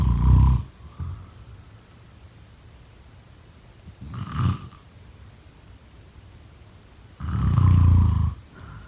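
Loud, deep, rattling snores with quiet gaps between them, one long drawn-out snore at the end; typical heavy snoring.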